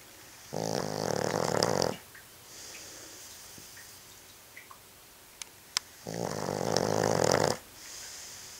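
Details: Dog snoring while asleep: two loud, rattling, fluttering in-breaths about five seconds apart, with quieter breathy out-breaths between them.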